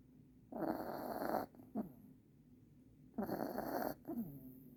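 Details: New puppy sleeping in Christmas pajamas, snoring: two loud, fluttering breaths in, each followed by a short snort out.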